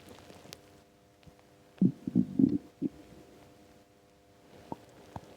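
A brief burst of low gurgling rumbles over a quiet steady hum: stomach rumbling from an empty stomach, a normal sound.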